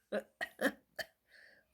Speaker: Sorry l have the hiccups I'm sorry I feel so sad :( I'm sorry